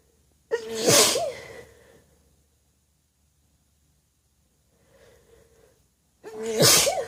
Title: Desperate Wet Sneezes